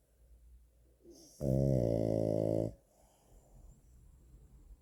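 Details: Sleeping pug/French bulldog mix (frug) snoring: one loud, buzzing, strongly tonal snore of about a second and a half, with quiet breathing before and after.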